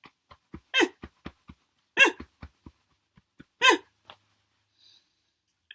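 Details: Person with Tourette's telling their story: three loud, abrupt, high-pitched yelping vocalizations interrupt short clicks and soft sounds, sudden involuntary vocal tics.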